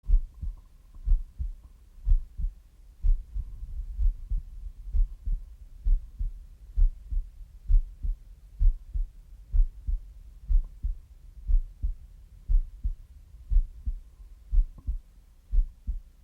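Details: Deep thudding heartbeat, about 62 beats a minute, slightly uneven, with a low background hum.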